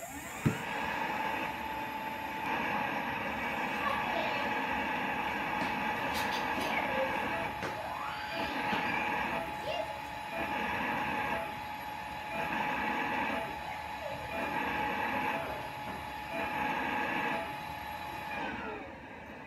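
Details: Mechanical cough assist (insufflation-exsufflation) device cycling air in and out with a steady hum rising and falling in regular pulses, started when a boy is told to press his button.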